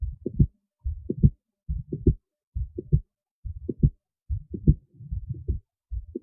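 Clear lub-dub heart sounds through a stethoscope, regular at about 70 beats a minute, quiet between beats.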